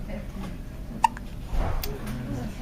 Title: has the hiccups